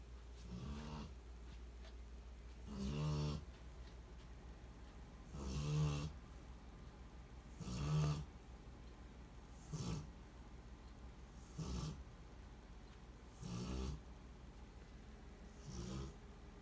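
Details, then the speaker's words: Woman snoring while asleep in another room: low, rattling snores about every two seconds, roughly 28 per minute, over steady room hum; ordinary snoring. "I can't sleep because my bitch is in there snoring like hell. She sleeps in one room and I sleep in another."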